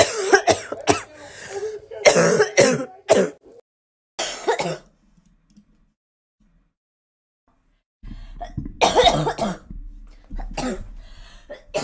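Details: A girl's acted coughing: a series of sharp, dry coughs and throat clearing, separated by pauses and a silent gap.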